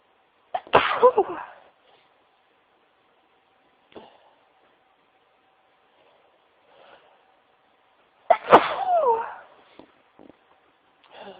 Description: This is a wav of me sneezing into tissues as suggested by a special friend of mine - thanks lots hun x